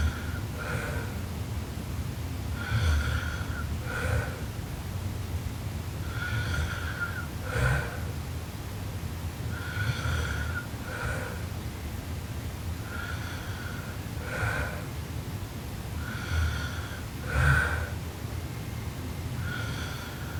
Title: Sleeping Japanese Girl Super Loud Snoring Part 2